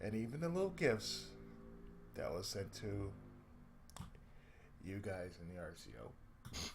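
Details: Adult man with cerebral palsy, a daily lifelong condition with speech problems since childhood; reports an occasional lisp, mid-sentence breaks and pauses, and a drawl; dysarthric speech in cerebral palsy.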